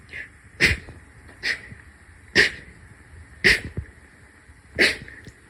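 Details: Five sharp, explosive sneezes in quick succession, about one a second, from a series of sneezes numbered 31 to 40. Sneezing.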